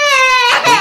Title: Baby crying for sparrow #baby #babycrying #sparrow #birds #savebirds